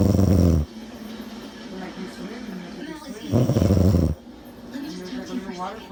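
Two loud, low, rattling snores about three seconds apart, with a television talking in the background; snoring.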